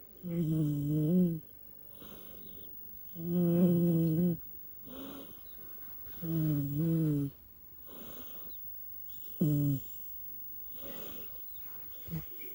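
A cat's snoring, a buzzing purr-like sound on each breath, about 20 breaths a minute, with quiet breaths between.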